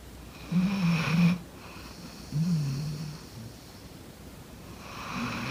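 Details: Sleeping golden retriever dog snoring loudly: low rumbling snores with a hissing edge, about two in five seconds.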